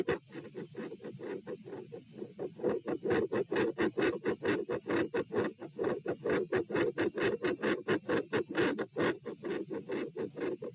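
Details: Heart auscultated at position P during a stress test (standing, knee bends, deep breaths, sitting, lying; rates 126-132-138-96 bpm): loud, fast, regular beats about 130/min with some rubbing noise; deep breaths do not slow the rate; tachycardia.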